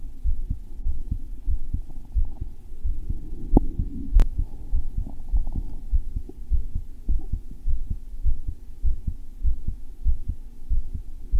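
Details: Self-recorded male heart that felt thumpy: strong, regular low thumps at about 100 a minute over a steady hum, with an Apple Watch ECG app used midway to measure rate; a forceful, pounding heartbeat.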